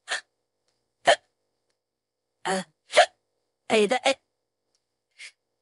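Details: About seven short, abrupt voiced gulps at irregular intervals, AI-generated female character's voice at bedtime unable to sleep, hiccuping on and off for 15–20 minutes, saying "excuse me": hiccups.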